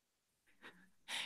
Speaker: you hear my dog snoring right now yeah it's a it's it's pretty good